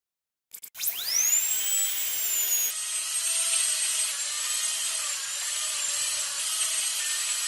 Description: Sound of dentist drilling teeth